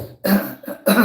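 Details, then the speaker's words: Adult with Tourette syndrome, talking during a home recording: two abrupt, forceful coughs close together, a coughing vocal tic that can sometimes be suppressed; vocal tic (coughing) in Tourette syndrome. "Sometimes Tourette's is mind over matter. I can stop that."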